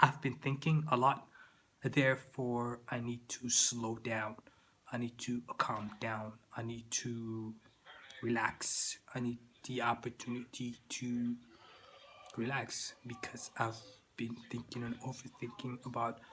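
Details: Stuttering in an adult man who says he still stutters, with word repetitions.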